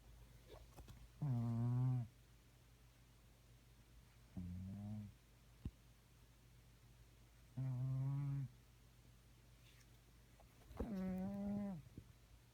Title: Zilchy snore